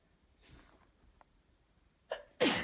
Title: Sneeze attack female allergy